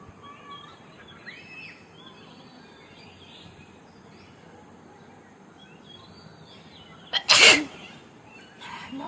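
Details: Sneeze during a sneezing and nose-blowing challenge using a pin: quiet room noise with faint sounds, then one short explosive sneeze near the end.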